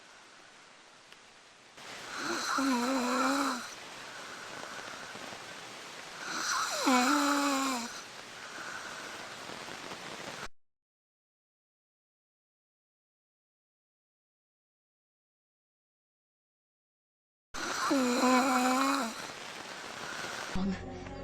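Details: Simulated cartoon-style snoring from a She-Hulk montage: stylized, voiced snores over steady background hiss with a gap of silence, not natural sleep sounds.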